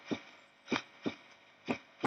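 Two slow heartbeats, each a clear lub-dub pair, about 60 a minute, ending in a brief scraping noise; respiratory sinus arrhythmia in a dog.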